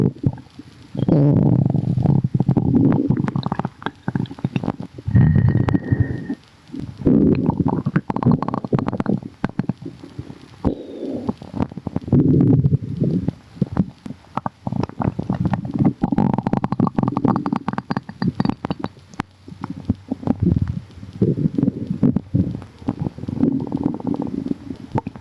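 Loud, frequent gurgling and bubbling stomach rumbles with low rolling growls throughout.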